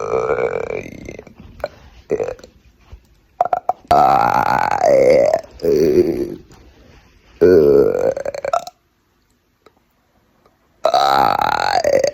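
Several long, loud, voiced burps in a row, produced on purpose.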